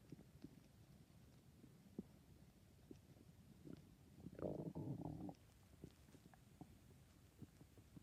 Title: My stomach is noises